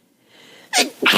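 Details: Forceful wet sneezing with a head cold: a short inhaled build-up, then an explosive wet sneeze and a second explosive burst.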